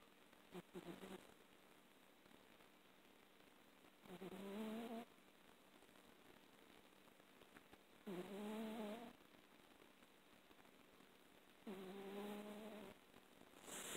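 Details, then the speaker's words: Pet named Lucky snoring while asleep: soft, slightly whistly snores about 15 a minute over a steady background hiss. "your lucky snoring he's just snoring a little baby crazy and awake with me having this light on recording him things sound so cute"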